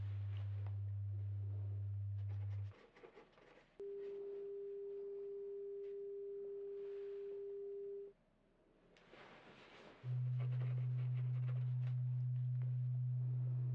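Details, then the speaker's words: Simulated pure tone audiometry in an ASMR hearing-test role-play through headphones, tones played in different ears; steady pure tones at a few different pitches, each held several seconds with gaps between. "going to play the tones in different ears and I would like for you to raise your hand on whichever side you hear the tone in okay"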